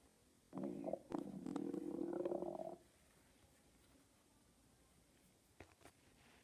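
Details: Stomach growling: a single two-second gurgling, rising rumble in a quiet room, faint clicks afterward.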